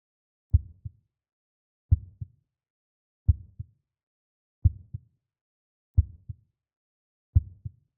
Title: Heartbeat sound